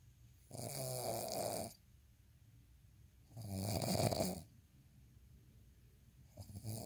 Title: snoring asmr sound 74